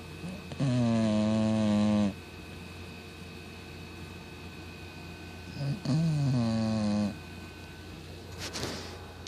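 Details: 17 lb Cocker Spaniel dog snoring loudly while asleep, loud enough to wake the owner at night: two long, loud, tonal snores with a steady drone over a constant low hum.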